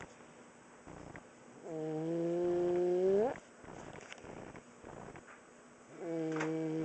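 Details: Almost 5-year-old boy with laryngomalacia, asleep at a certain angle: loud, musical, crowing noises on each breath in; inspiratory stridor, now less frequent than before.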